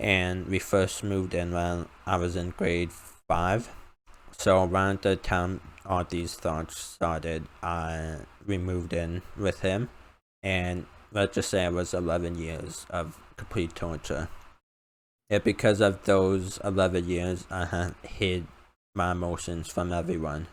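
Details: Male speaker with a self-described uncontrollable speech impediment, improved after about 10 years of speech therapy; formerly used an iPad button talking device, not used for almost three years; speech impediment.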